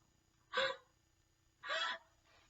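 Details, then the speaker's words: Simulated sneeze demonstrating correct sneezing into a tissue: two short, breathy, muffled bursts. "When you sneeze or cough, tiny drops of liquid and germs come out your nose and mouth."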